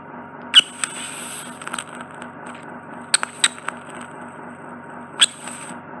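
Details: Endoscopic microsuction of a very large, slightly sticky impacted ear wax lump spanning nearly the whole narrow ear canal, removed in one piece: steady suction hiss with brief sharp crackles and pops.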